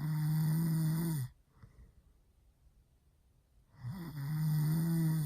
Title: boyfriend snoring REALLY loud